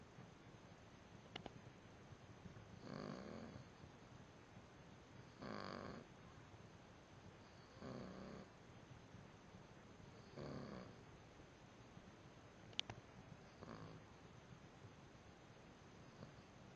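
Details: Soft, regular snores at about 25 breaths a minute, each a short buzzing breath, in a quiet room: snoring.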